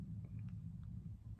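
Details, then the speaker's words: Stomach rumbling (borborygmi) of a hungry adult: low, continuous gurgling rumble with faint bubbly pops. "that's my stomach, I don't know if you can hear it, I'm really hungry."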